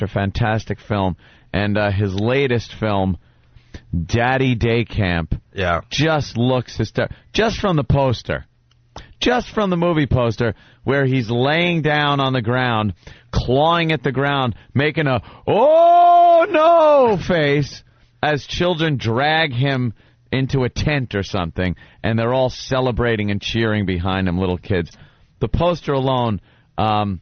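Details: Adult male speaker; no disorder.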